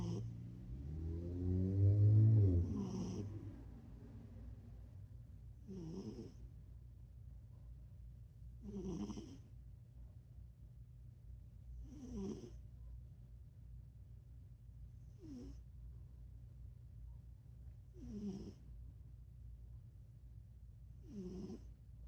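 A sleeping cat snores in soft, regular bursts about every three seconds, roughly 20 breaths a minute.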